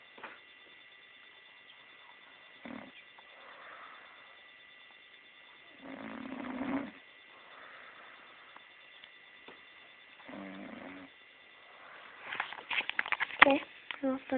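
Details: Female friend deeply asleep, not moving, snoring very loudly through the nose and getting louder; fluttering snores on breathing in over steady hum, then a burst of louder rattling.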